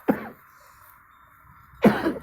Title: sori saya batuk